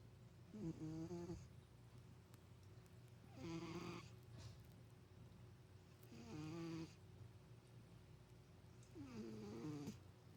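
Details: Four tonal, buzzing snores at roughly 21 a minute, each on a breath in, over a quiet background, from a sleeping cat; snoring.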